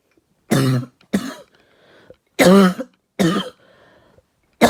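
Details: About five short, harsh adult coughs in quick succession with faint breathy inhalations between, light coughing after trying a new bong: cough after smoke inhalation.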